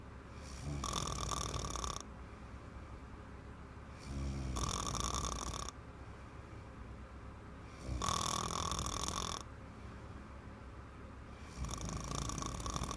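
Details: Little girl snoring heavily: loud, rough rattling snores on each in-breath, about four over thirteen seconds, roughly 18 breaths a minute, with quiet out-breaths between; heavy snoring.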